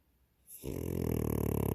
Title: Snoring Frenchie